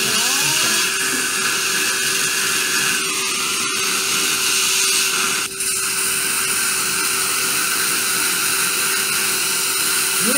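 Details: Steady high-pitched whine of a dental implant drill running continuously with a brief click, during final drilling before implant placement in a maxillary anterior extraction socket.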